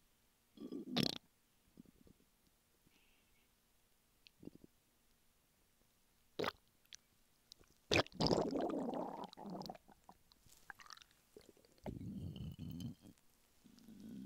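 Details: Male lying flat on his bed, hungry: irregular gurgles, squelches and drawn-out rumbles from the belly, typical hunger stomach rumbling (borborygmi).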